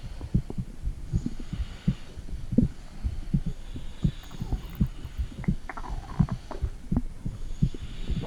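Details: Adult mother's own heartbeat recorded with a phone held at the stomach during a heartbeat check: soft, steady low thumps at about 85 beats a minute under a constant hum, with gurgling noises; an ordinary heartbeat.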